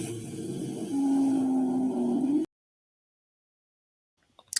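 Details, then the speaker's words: Rhonchi demonstrated during a teaching assessment of breath sounds: low snoring-like sounds that indicate major obstruction in the large airways. "Los roncus, que suenan como los ronquidos, el cual es que hay una gran obstrucción en las grandes vías aéreas."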